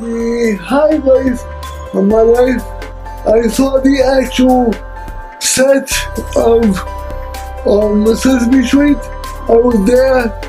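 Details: Adult man with cerebral palsy who uses a wheelchair; dysarthric speech in cerebral palsy.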